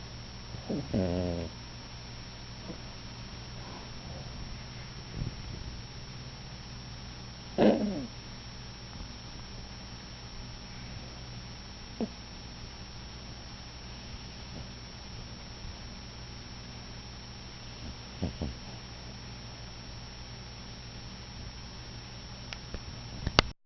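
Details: Seven-pound female Yorkie snoring in sleep, as she does all the time: a low, steady rumbling with a few louder snorts over quiet room noise.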